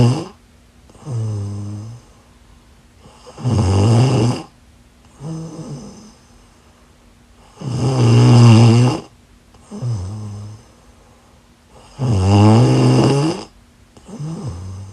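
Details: A person snoring in sleep: loud rhythmic snores about 14 a minute, deep rattling inhalations with quieter voiced exhalations.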